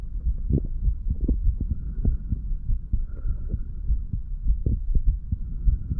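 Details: Heartbeat of a 35-year-old standing male recorded over the mitral, tricuspid, pulmonary and aortic valve areas and the right ventricle; normal heart sounds.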